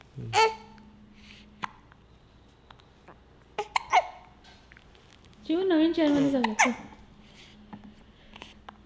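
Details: Baby girl irritated by her own hiccups: sharp, abrupt infant hiccup sounds with fussy vocal whining in between.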